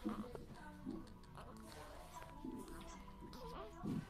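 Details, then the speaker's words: Infant with cri du chat syndrome: short, thin, very high-pitched mewing cries likened to a cat, over background music; cri du chat cry. "bien bueno en realidad es porque es muy agudo el llanto y por ahí alguien dijo que se parecía un gato no si se escucha como un gato pero pero eso es más bien porque es muy agudo el yang"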